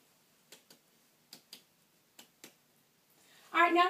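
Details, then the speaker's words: Six paired tapping sounds during posterior chest percussion on a male patient's back in a heart and lung assessment, then speech begins; normal chest percussion. "And now I'm going to percuss. Whenever I press cut, it's just whenever I touch you like this and just tap."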